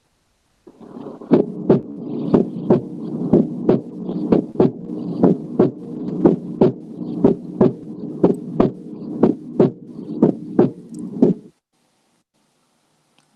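Regular paired heart sounds at about 60 a minute over a steady background hum; normal heart sounds at the base, with the second sound louder than the first.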